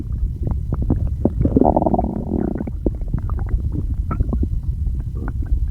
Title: [STOMACH NOISES] I can't get them under control